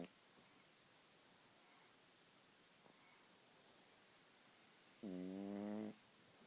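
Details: Sleeping and snoring: in a quiet room, one rattling, buzzing snore lasts about a second on a single breath.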